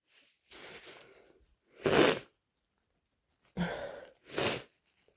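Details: Induced with chhinkni (sneezing powder) during a cold: several forceful, wet sneezes and nose blows, with sharp bursts of air and noisy inhalations between; sneezing.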